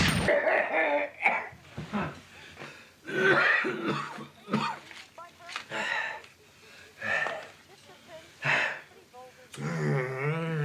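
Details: An adult male TV character (Bobby Bacala Sr, The Sopranos) gives acted coughing: about seven harsh, wet, spluttering coughs with throaty voiced gasps between them.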